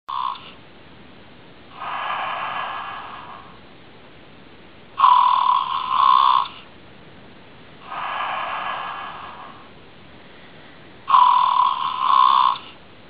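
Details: Little snoring 'bear' that dozed off instead of playing, attributed to spring tiredness: slow alternating breaths, a soft rushing inhale then a louder honking, whistle-like exhale, about every six seconds; snoring.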